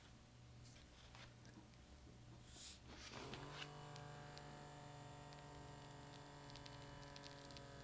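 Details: Omron BP769CAN automatic upper-arm blood pressure monitor: a click, then the steady motor hum of the cuff inflating, with faint room noise; ordinary device operation during a home reading that showed a pulse of about 63–68.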